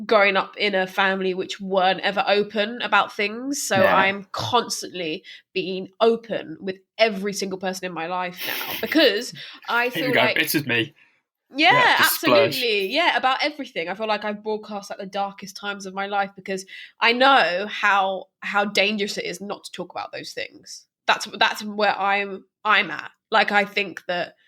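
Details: Stammering in a woman who stammers, speaking unscripted as a podcast host for a stammering association.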